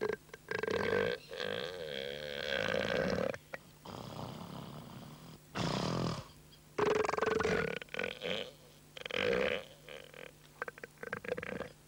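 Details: Elephant seal: deep, rumbling, belch-like bursts repeated several times, throaty burp-like calls; burping.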